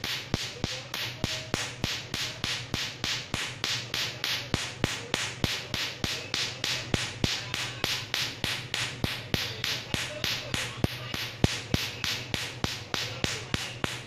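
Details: Tattoo removal laser pulses: rapid, regular sharp snapping clicks, about 200 a minute, over a steady low hum.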